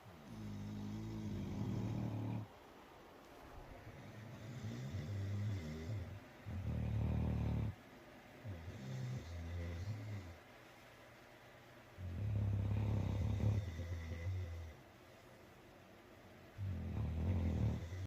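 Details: Deep, rumbling, rattling snores with quiet pauses, roughly 13 breaths a minute, during sleep; the recording contains both human and dog snoring, order unstated.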